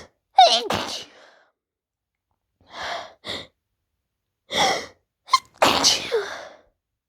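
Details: Female's typical morning sneezing fit on a bad allergy day, triggered by dust: a sharp inward gasp, then several forceful sneezes in quick succession.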